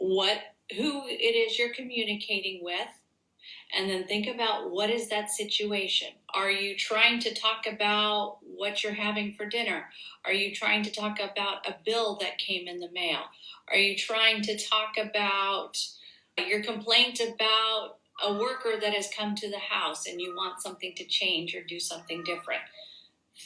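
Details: Adult woman speaking; normal speech.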